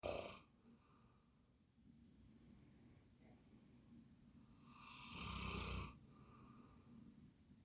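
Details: Max, a sleeping Bernese Mountain Dog, gives loud, rough snores separated by quieter breathing.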